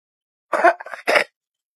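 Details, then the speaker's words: Child's productive wet cough: two harsh cough bursts with a rattling middle bringing up phlegm, described as due to bacterial or viral infection. "الكحه ممكن تكون مصاحبه لبلغم بسبب التهاب بكتيريا او فيروسي وهنا ضروري ننتبه للون"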